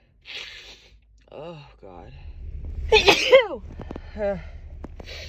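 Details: Adult woman who could not stop sneezing all day: a quick inhaled gasp, then one sharp, explosive sneeze with brief vocal sounds around it, part of a sneezing fit: sneezing.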